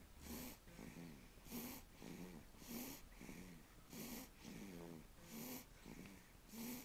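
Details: Sleeping dog breathes in a rapid, steady rhythm, each breath carrying a rough, fluttering, whistly snore; snoring.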